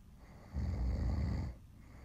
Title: Snoring to Help You Fall Asleep